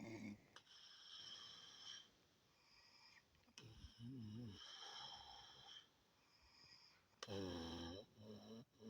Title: Mum Snoring Again